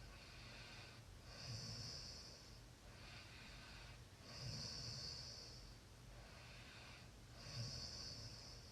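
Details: Light snoring during sleep: soft, rough breathing with a snorting, rattling quality on each cycle, about 20 breaths a minute.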